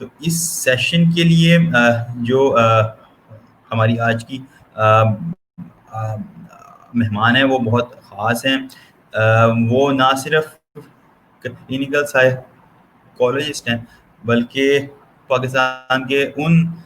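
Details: Stuttering in an adult man speaking Hindi/Urdu, who says he has worked on his stammer and improved it.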